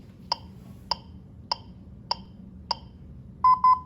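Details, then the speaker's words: Crisp ticks at about 100 a minute, then two longer beeps, over low room hum: a demonstration defibrillator's continuous CPR metronome with no voice prompts for the full two-minute cycle, pacing chest compressions. "so what's going to do continuous metronome with no voice problem s for the full two minutes which is the basic change that we're trying to implement to prevent confusion in a code scenario"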